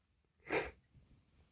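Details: Single forceful, loud sneeze with lots of spray, a brief explosive burst of air under half a second in a quiet room, from a person who talks between sneezes; sneeze.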